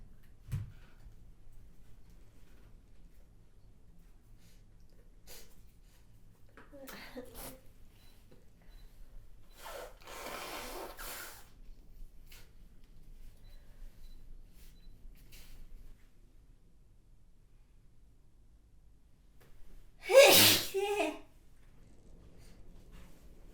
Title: spray sneezing (Sample, 4K Quality)